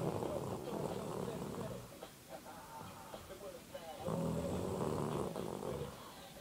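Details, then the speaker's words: A sleeping child (a sister) snores weirdly: two long, loud, rough rattling breaths separated by a quieter pause, a coarse vibrating snore. "She's asleep and she's snoring freakishly creepy."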